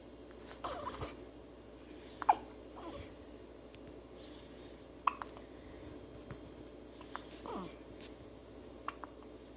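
Quiet room with small, sharp, irregular catches in an infant's breathing, roughly twenty a minute, fitting hiccups.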